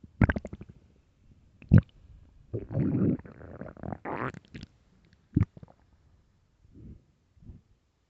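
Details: Very hungry stomach growling: loud gurgles, creaks and a long groaning rumble with short pops, from gut movement, a normal sound of hunger.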